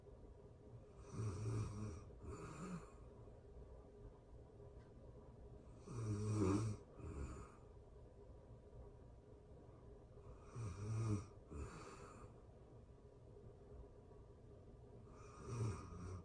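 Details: Real-time recording of a person asleep: low rattling snores on each breath in, about 13 a minute, some with a split double sound, over quiet room noise; snoring.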